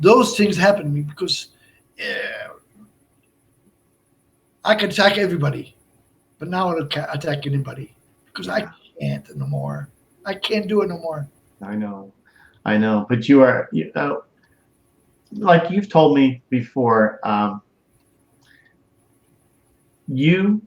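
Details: Adult man, stroke survivor and heart transplant recipient, with Broca's aphasia for over 8 years since a stroke in March 2011; speech limited to short utterances, laborious word-finding, verbs harder than nouns; Broca's aphasia.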